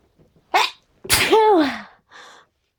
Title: gonna sneeze